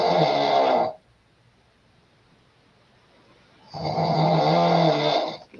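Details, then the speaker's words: A blonde woman snoring after getting into bed: loud, rattling snores on breathing in, with quiet gaps between them, which is typical sleep snoring. "now this woman standing here with the blonde hair she's going to get in the bed and you're going to hear her snoring right about here"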